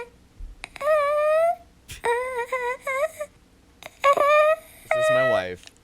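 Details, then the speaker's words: Wife's imitation of a man's high, squeaky, whining sleep exhales, like air let out of a balloon; he has suspected but undiagnosed sleep apnea after three inconclusive tests. "It sounds like example. It sounds like you were letting air out of a balloon."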